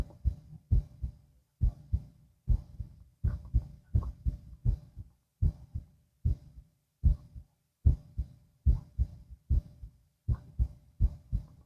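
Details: Stethoscope heart auscultation lying down, two minutes per site; steady paired lub-dub at about 75 beats a minute, regular rhythm, no clear extra sounds; normal heart sounds.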